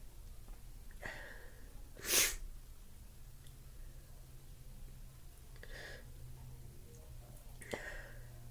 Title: Stuffy sneezes sniffles 'n blows!!